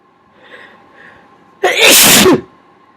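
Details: Sneezing provoked with a q-tip: two soft intake breaths, then one loud explosive sneeze lasting under a second, in a quiet room with faint hum.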